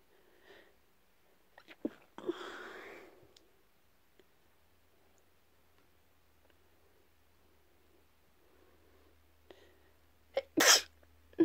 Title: A few Induced sneezes.